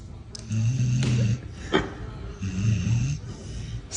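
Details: Sleeping pit bull puppy lying nose up: two low, rumbling snores on the in-breath, with faint room noise; ordinary dog snoring.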